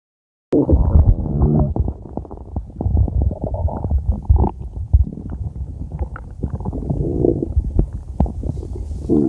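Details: Borborygmi (stomach growling): low rumbling and gurgling from the belly as gas and fluid move through the gut.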